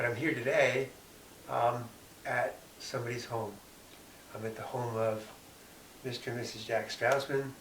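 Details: Adult man speaking; typical speech.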